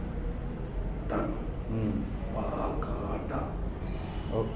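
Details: Man before voice therapy with severe hoarse voice from vocal fold paralysis, voice lost suddenly; near-aphonic whispery voice (vocal fold paralysis).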